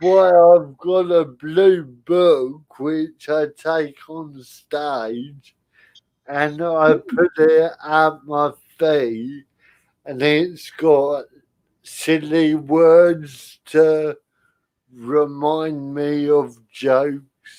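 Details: Adult man with spastic cerebral palsy caused by lack of oxygen at birth, affecting limb control and speech; dysarthria (cerebral palsy).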